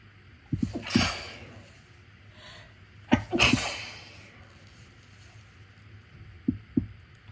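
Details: Two induced sneezes during a cold, provoked by a tickle in the left nostril, each preceded by catching breaths, followed by sniffles; sneezing.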